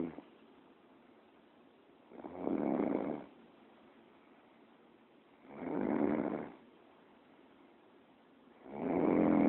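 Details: Snoring recorded on a BlackBerry phone: three rough, rasping snores about three seconds apart, roughly 19 breaths a minute, with quiet pauses between; ordinary snoring.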